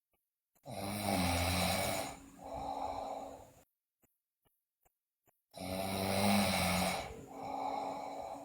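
Two loud snoring breaths about five seconds apart, each a long rattling inhale followed by a softer exhale, with silence between.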